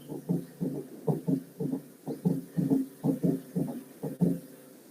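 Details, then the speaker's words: Quadruple rhythm with S3 and S4 at slow heart rate, said always to indicate pathology such as heart failure: four distinct sounds per beat. "cuando escucha no presuma o cuatro escucha por ritmo cuádruple siempre indica una cosa que alguna patología"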